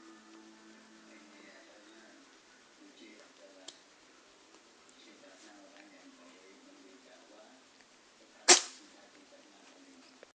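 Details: A single sharp, explosive cough from a cat, heard against quiet background music and room noise.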